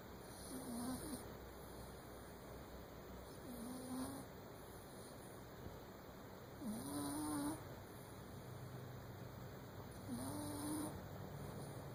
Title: Snores Galore